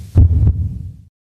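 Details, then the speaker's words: A single normal heartbeat demonstrated while teaching the cardiac cycle: a strong low first sound (lub) followed by the second sound (dub), which comes from semilunar valve closure. Normal S1 and S2. "So what did we hear now? We heard love and we heard dub. What is that? Loved dub. Loved dub. Loved dub. That's your heartbeat."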